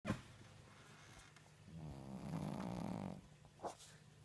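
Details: Sleeping Shih Tzu snoring loudly: drawn-out, vibrating snores of about 1.5 seconds between quieter breaths.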